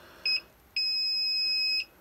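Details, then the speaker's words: OpenVent Bristol V2.0 open-source emergency COVID-19 ventilator (ambu bag, BVM) switching off: left button held, high electronic warning beeps, two short then one long, before shutdown. "I hear four beeps then it switches off and goes back into the off state again so it's quite important that it's a bit more difficult to turn it off than it is to turn it on"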